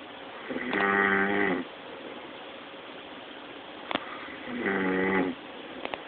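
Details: Man snoring very loudly while asleep: two loud, droning snores with a buzzing tone, about four seconds apart, with soft clicks between them.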